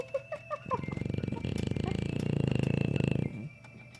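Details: English Bulldog snoring, continuing even after waking: loud, rattling, buzzy breath noise lasting several seconds, a snore-like snort through a narrowed airway.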